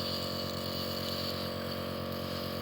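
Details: Steady mechanical hum and buzz of a compressor with faint aerosol hiss during nebulizer therapy with Ventolin for a child with a cold and cough; nebulizer compressor running.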